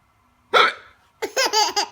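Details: One abrupt gulping hiccup from a mother, followed by bursts of her baby boy's giggling laughter at the hiccups.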